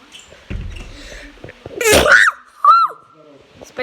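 One sudden, forceful sneeze burst with a brief voiced sound after it, over quiet room noise and faint talk.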